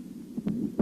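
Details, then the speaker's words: Mitral regurgitation heard at the apex: weakened first heart sound with a systolic murmur filling the gap after S1, radiating to the left axilla, from regurgitation of blood from left ventricle into left atrium. "при недостаточности митрального клапана на верхушке выслушиваются ослабление первого тона и систолический шум проводящийся левую подмышечную область"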